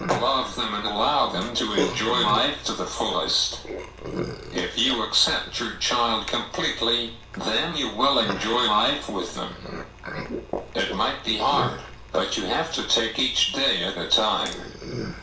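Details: Man with cerebral palsy affecting all four limbs and his speech; dysarthria (cerebral palsy).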